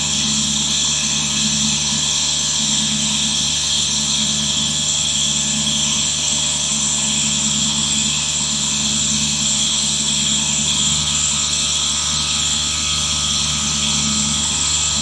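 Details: Nebulizer compressor running.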